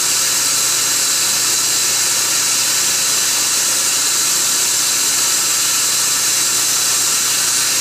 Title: Laser Assisted Root Canal on Upper Bicuspid #12